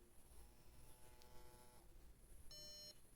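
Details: MyoSmart sleep bruxism alarm tested with intraoral bruxism plate, monitoring masseter muscle activity (threshold 230): electronic tones and short high beep, with vibration, when clenching exceeds threshold; bruxism alarm beeping.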